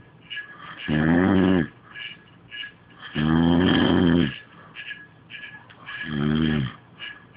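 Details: Person snoring: loud rattling snores on three breaths in, roughly 24 a minute, with quieter snuffling breaths out between them.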